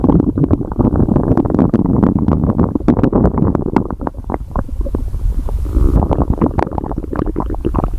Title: Stomach Growling